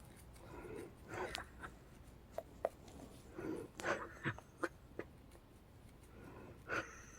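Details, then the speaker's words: Female patient recorded after midnight, 11/15/23, as earlier wheezing subsided before her breathing treatment: quiet, effortful breaths at about 20 a minute with rustling and clicks, no wheeze heard; labored breathing. "Yeah, we can stop wheezing. Just breathing hard now."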